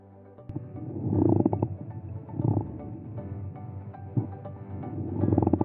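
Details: Low, coarse grating bursts recurring with breathing, with faint music underneath; pleural friction rub.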